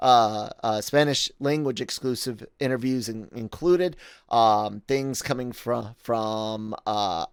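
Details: Adult male podcast host with a self-reported stutter, speaking spontaneously; stuttering.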